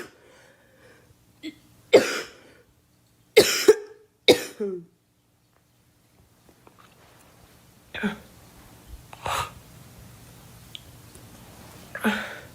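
Several harsh, separate coughs from a girl with short pauses between them, in a small room.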